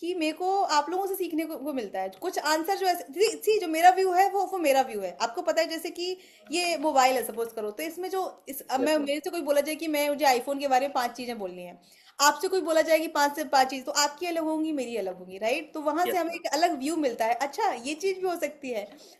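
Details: Adult woman speaking Hindi; ordinary speech.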